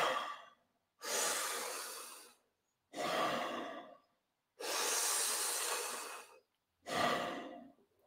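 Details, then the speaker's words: Demonstration by a freediving instructor of hyperventilation before static apnea: deep, forceful breaths in and out through the mouth with loud rushing air, about 30 a minute. "but if people when people start hyperventilating it's usually through the mouth and it looks like this foreign"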